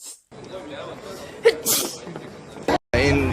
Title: Sneeze ULTIMATE Compilation